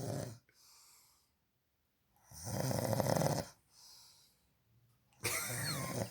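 Loud, fluttering snores on breathing in, with quieter breaths out between them.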